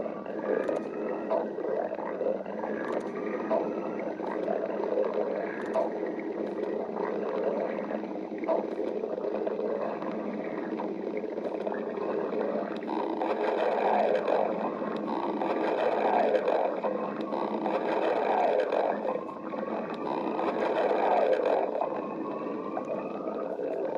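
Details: Girl's stomach growling: continuous gurgling and rumbling with squeaky rising and falling tones; borborygmi.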